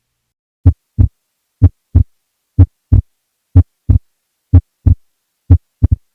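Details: Wide splitting of S2, regular heartbeat near 62 a minute: S2 is mildly split during expiration and more widely split during inspiration, audibly wider on some beats.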